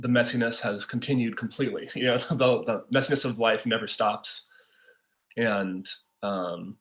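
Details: Adult man who stutters; stuttering.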